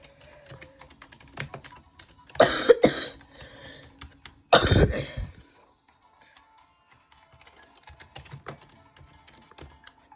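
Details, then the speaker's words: Two bursts of coughing, the first a quick pair, over quiet keyboard clicks and faint background music; a plain cough. "Don't mind me coughing, but subscribe for more updates."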